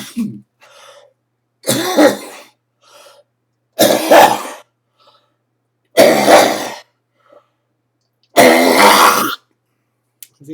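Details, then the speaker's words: Four forceful, deep coughs, each preceded by a full breath in with no gasping between; the adult attributes them to histamine-driven sinus congestion and postnasal drip, not COPD. "hear how i fill up with air to push a lot out that's not copd copd is lung damage"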